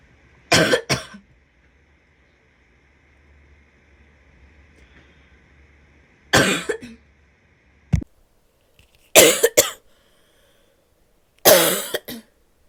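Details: Adult woman gives four short coughing bouts, most with two quick explosive bursts, in a quiet room.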